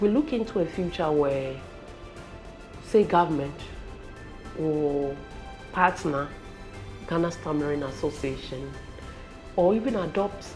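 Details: Adult speaker; normal speech.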